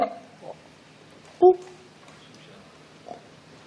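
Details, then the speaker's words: Stage 3 snoring in a person with severe obstructive sleep apnea: short, snorting snore bursts separated by quiet gaps where breathing stops for about 5 to 10 seconds. "이게 이제 수면 무호흡증이 심하게 오신 분인데 지금 들어보시면 소리가 사라지는 시간이 5초에서 10초 정도 이렇게 유지가 네. 되는 기간이 있거든요."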